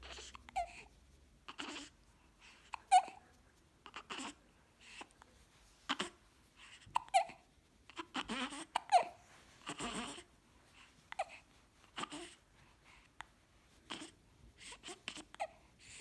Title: Hiccup smile